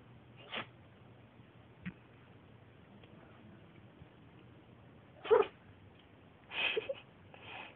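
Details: Cat sneezing: a few short, sharp sneezes in a quiet room.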